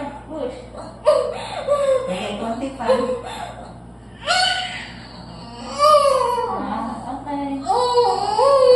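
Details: Newborn crying in short, rising and falling wails just after a natural unmedicated home water birth, with adult voices in the room.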